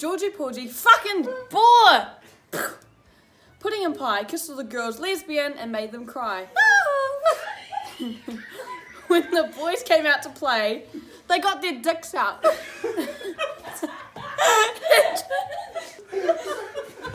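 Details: Teenager with Tourette syndrome reading a nursery rhyme aloud: involuntary vocal tics (coprolalia) intruding on the reading.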